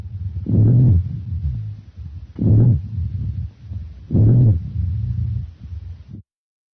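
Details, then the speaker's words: Rhonchi, or low-pitched wheezes, on lung auscultation: low, musical snoring sounds with each breath, mostly and louder on expiration. "low-pitched wheezes our musical snoring sounds mostly on expiration"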